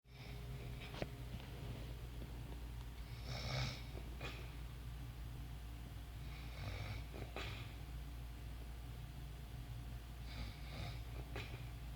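Soft, rough snores about every three to four seconds, roughly 17 a minute, over a steady low room hum. Ordinary snoring.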